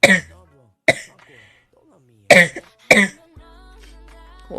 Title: Girl coughing 27